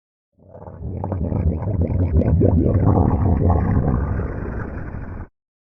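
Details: Low, long, loud gurgling rumble lasting about five seconds; ordinary stomach growling.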